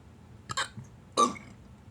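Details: Two short, abrupt throaty gulps a moment apart over faint room noise: small burps or hiccups from a film scene after eating bread; burping.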